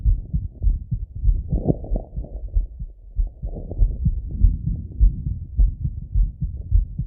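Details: Male self-auscultating his heart with a stethoscope after a workout set: quick, regular lub-dub at about 100 beats a minute with some rubbing noise; normal heart beating fast after exertion.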